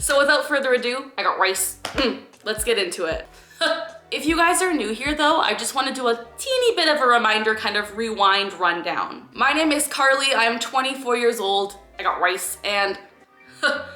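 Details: 24-year-old woman diagnosed with Tourette syndrome 12 years ago, with involuntary movements and sounds: vocal tics, including a repeatedly blurted phrase (Tourette syndrome).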